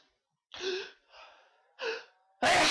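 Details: Several building, gasping inhalations lead into one loud, explosive sneeze, the first of a bout of repeated sneezing.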